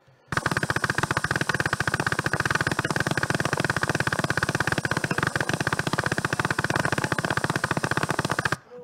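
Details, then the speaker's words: Needle EMG of an unstable motor unit: a rapid, machine-gun-like train of crackling pops from a single motor unit. Each discharge sounds different, and its waveform morphology changes with each firing. "It's an unstable motor unit, guys. It's hearing each time it fires. It's got a different firing sound, and if you look at the morphology, it's different."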